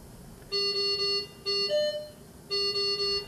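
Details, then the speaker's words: No oxygen pressure alarm on a Datex Aestiva anesthesia machine during the FDA checkout procedure: the oxygen tank is closed and pressure falls to zero, producing repeating electronic alarm tones in bursts, one with a rising note. "as the oxygen pressure Falls you should observe that nitrous oxide flow turns off before losing all oxygen flow when the oxygen pressure Falls to zero you should hear and see the no oxygen pressure alarm"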